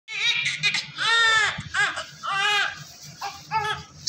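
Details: Newborn male baby just delivered by LSCS, after suctioning, cord cutting and vernix removal, vitally stable with good Apgar score: repeated strong, high-pitched cries in short bursts over low room noise; vigorous cry after birth.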